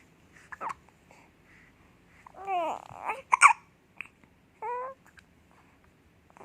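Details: An infant babbling with short voiced sounds, broken by sudden sharp catches of breath; baby hiccups.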